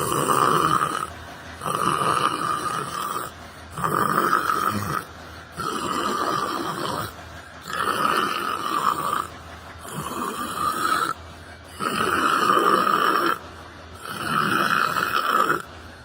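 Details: Person sleeping while sitting on a bench in a library: loud, rough, rattling snores repeating about every two seconds, roughly 30 a minute, over a steady background hum.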